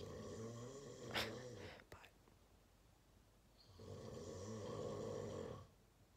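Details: Dad's heavy snoring during sleep, likened to an engine: two loud, rough, rattling breaths separated by a quiet gap.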